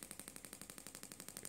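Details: Rapid, regular sharp clicking pulses, about twelve a second, from a Shockmaster 300 Gymna radial shockwave handpiece (1.6 bar, 12 Hz, 20 mm head, gel) treating grade 2 cellulite, sweeping method.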